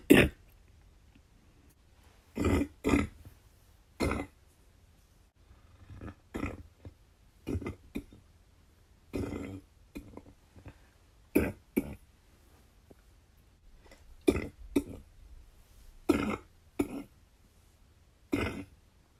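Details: The person's worst cough of the week: repeated short, harsh coughing bursts in a quiet room with a wet, productive quality; wet cough.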